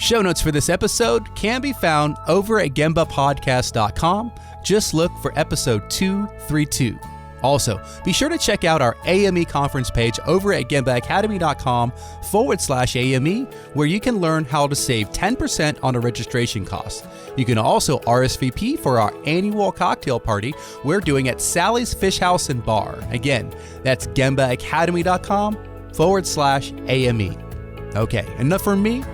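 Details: Adult male speaker; normal voice.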